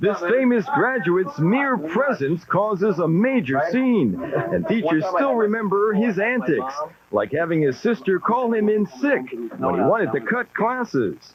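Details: Adult narrator; normal fluent speech.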